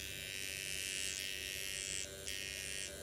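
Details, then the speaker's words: Microneedling pen just switched on before use on own cheek, with skin numbed about 20 minutes and serum drops applied; steady high-pitched electric buzz with slight tone shifts, like a small shaver; microneedling pen running. "So now I'm going to grab the machine, and then I'm going to turn it on. And that's what it sounds like, okay?"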